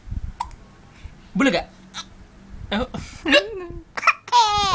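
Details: Infant hiccups: several short, abrupt voiced catches between soft baby sounds and an adult voice, after the baby laughed at the father's own hiccups.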